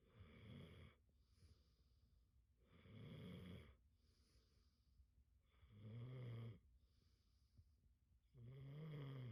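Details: Sleeping dog described by owners as narcoleptic and loving to sleep: regular rumbling snores on each inhalation, about 25 breaths a minute.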